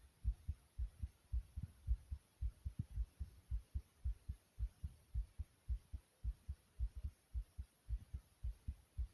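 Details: The uploader's own fast heartbeat.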